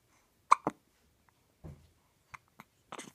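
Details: Baby girl, 17 days old, in the morning: brief sharp hiccup sounds, several spaced across a few seconds, described as deep hiccups; ordinary infant hiccups.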